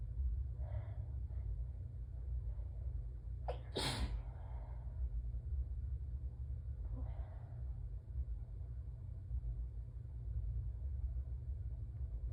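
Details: A catching breath, then a single sharp sneeze over a low rumble, during an allergy sneezing fit with a peppermint held in the mouth, so some sneezes sound strangled; a drop of blood was noted on tissue. Allergic sneezing.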